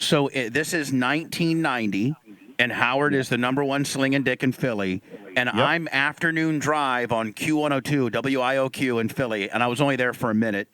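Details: Adult male speaker; Normal speech.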